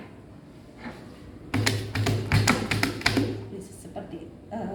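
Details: Gallop rhythm (imitated).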